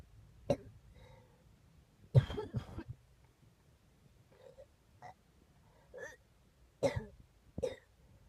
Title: coughing